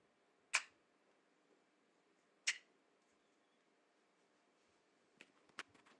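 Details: Parrot coughing: two sharp, short, high-pitched cough-like bursts about two seconds apart, then faint clicks.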